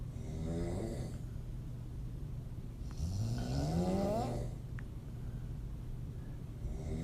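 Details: Open-mouth snoring from a female, rough, rattling snore with a voiced buzzing breath over steady low room hum.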